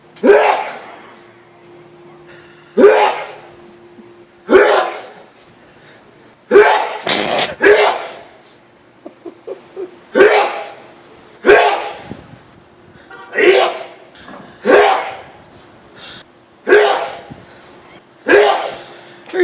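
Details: Adult man's sneeze attack, about ten loud explosive sneezes roughly every two seconds, a quick gasp before several; prolonged sneezing fit.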